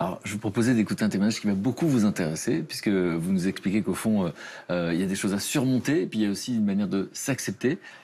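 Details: Adult male speaker; plain speech.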